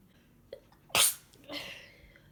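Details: Person a few days into a heavily congested head cold: a faint sniff, then one sharp, explosive sneeze followed by a hissing exhale; a sneeze with a head cold.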